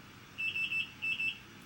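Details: Two sets of three high-pitched electronic beeps in a quiet hospital room: an IV infusion pump alarm on a mother with an IV after her third C-section at 37 weeks, commonly triggered by arm movement.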